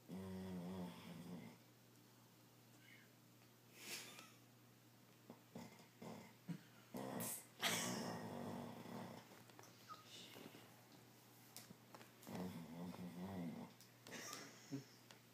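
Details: Dog snoring while sleeping soundly: soft, irregular rattling snores and snorts in a quiet room.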